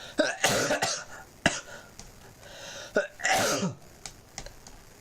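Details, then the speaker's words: An adult podcast host having a recurring coughing spell while talking, apologizing for coughing repeatedly; cough. "I'm sorry people, I'm having a coughing situation again. It's just the fact that I don't know how often that I keep coughing."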